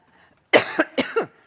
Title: Sweet Leaf Coughing